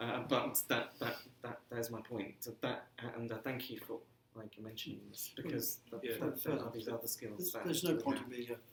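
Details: Stuttering in an adult man who says he has been "breaking up" on the phone for 30 years; stuttering.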